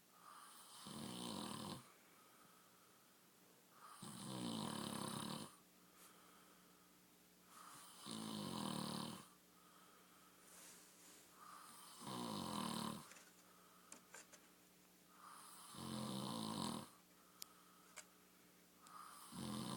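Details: A sleeping man makes regular rattling snores with softer breaths between, about 15 breaths a minute, in a quiet room; ordinary snoring.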